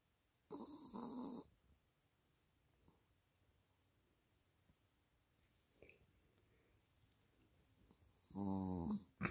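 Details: A dog sound asleep, wrapped in her favourite blanket, snoring: two loud snores, one early and one at the end, separated by quiet breathing.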